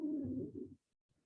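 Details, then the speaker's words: Adult lying on the back during a gentle yoga class with belly softened: a brief low, gurgling stomach rumble, ordinary bowel sounds. "and if you can hear my tummy rumbling but it is rumbling"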